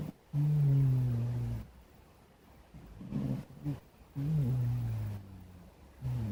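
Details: Sleeping black cat snoring, sound only: slow, rhythmic, low rumbling breaths with pauses between them, about ten breaths a minute.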